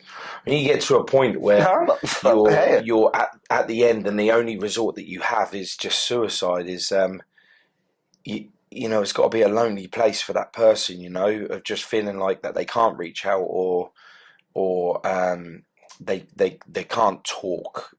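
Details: Adult male speaker; ordinary speech.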